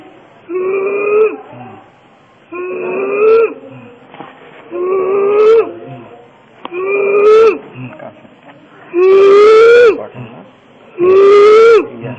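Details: Inspiratory stridor in a laryngeal carcinoma patient: loud, high-pitched crowing on each breath in, about 29 breaths a minute, from laryngeal obstruction; breathlessness relieved by immediate tracheostomy at Chittagong Medical College.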